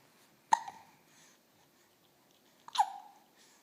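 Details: Baby at 6 weeks old: two short, abrupt hiccup sounds about two seconds apart in a quiet room; infant hiccups.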